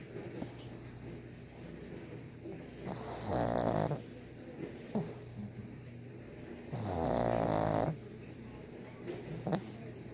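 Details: A 1½-year-old brindle pug snoring: loud rattling snores about every four seconds over quiet breathing, typical of a flat-faced dog's narrowed upper airway.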